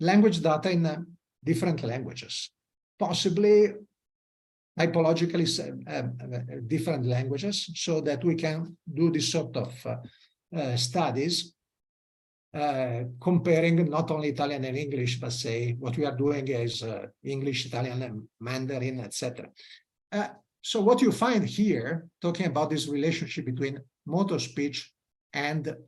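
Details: Adult male lecturer; normal speech.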